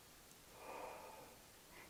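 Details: Nurse auscultating a patient's chest at the mid-axillary line, sixth intercostal space over the lower lobes: normal vesicular breath sounds.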